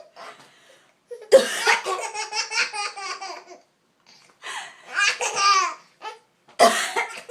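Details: An adult's cough: a few short cough bursts in a small room, with bouts of baby laughter in between as the baby laughs at the coughing.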